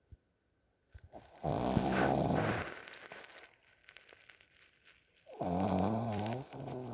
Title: snoring pug Pt2 😴